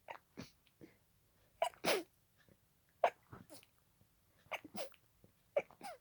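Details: Sneezing fit continuing from an earlier fit and lasting about 20 minutes at this speed: a quick run of small, sharp sneezes and snatched breaths, about every second; paroxysmal sneezing.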